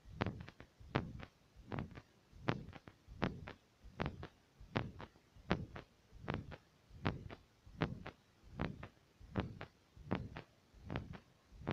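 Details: Fast heartbeat through a stethoscope: regular paired heart sounds at about 80 beats a minute, a steady rhythm at the upper end of normal.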